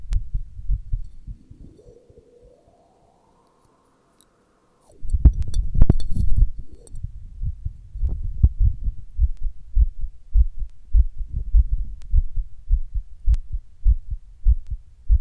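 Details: Recorded while just sitting down at rest: heart suddenly beating weird and hard, at times fast; thumps around 100 a minute with uneven timing and stronger beats after brief handling noise, palpitations.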